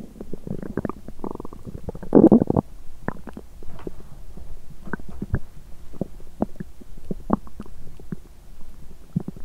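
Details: Bowel sounds after exercising on an empty stomach, which left the person nauseous with a cramping stomach and intestines: loud gurgling and rumbling with scattered pops and squeaks.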